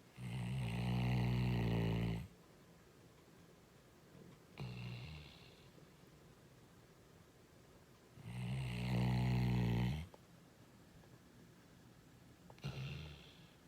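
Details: Loud, low rumbling snores on each breath in, softer sounds on breathing out, about four to five breaths a minute; ordinary snoring.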